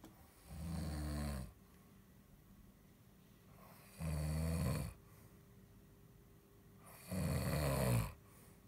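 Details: Snoring: three low, rough rattling snores about three seconds apart, roughly 18 a minute, with quiet breathing between and a faint steady room hum.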